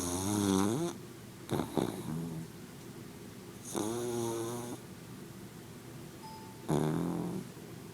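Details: Sleeping dog snoring: loud, tonal, rasping snores on breathing in, with a snort between; snorting, snoring and farting while asleep.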